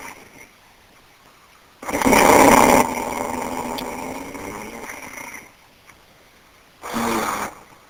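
Two loud, harsh rattling snores; the first trails off into a long fading rumble, with quiet room between them. Heavy snoring.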